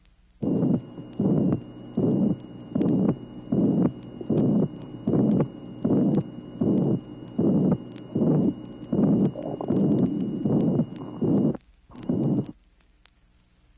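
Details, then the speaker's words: Ventricular septal defect, from a 1967 vinyl teaching record: regular heartbeat about 78 a minute with a pansystolic murmur and no silent interval between the heart sounds and the murmur. "tracing number 18 interventricular septal defect in this condition the murmur is pan systolic and there is no silent interval between the sounds and the murmur"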